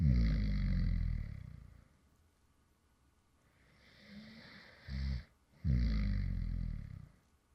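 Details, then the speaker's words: Light snoring from an adult creator who fell asleep mid-recording: low, rumbling snores on a few slow breaths with quiet pauses between them; ordinary snoring during sleep. "and this is actually some light snoring sounds from me when I actually fell asleep in the middle of recording a previous video."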